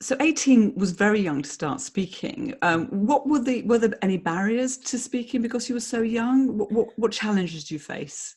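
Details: Adult speaker; typical speech.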